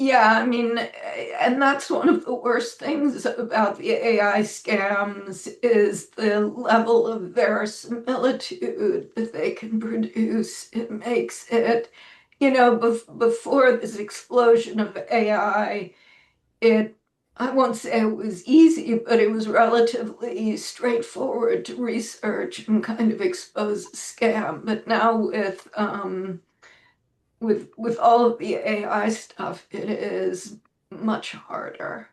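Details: Adult woman with spasmodic dysphonia, self-reported; severity varies from day to day and she says this recording is on a not particularly good day; real, not acted; spasmodic dysphonia.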